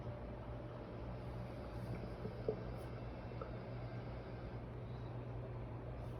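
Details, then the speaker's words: Steady low stethoscope hiss with only one or two faint gurgles on abdominal auscultation: hypoactive bowel sounds, diminished, as after abdominal surgery or with peritoneal inflammation. "hypoactive bowel sounds are diminished or absent and occur after abdominal surgery or with peritoneal inflammation they sound like this"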